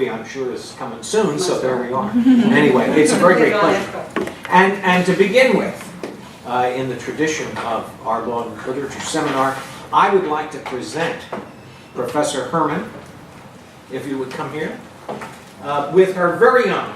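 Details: Adult speaker; Normal voice.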